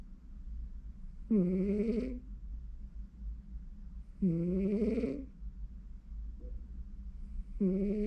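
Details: Loud rattling snores from a sleeping cat, about three breaths over eight seconds with quiet pauses; ordinary sleep snoring.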